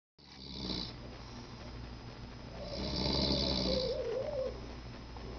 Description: Snoring@Mid-Night